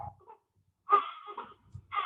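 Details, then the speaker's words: Brief, high-pitched wavering wails of a baby recorded right after birth, with the mother's first words to her child, from the Voyager Golden Record's old recording: newborn cry. "That wasn't just any baby crying. That was a baby crying right after birth. And those were the first words of the mother to her child."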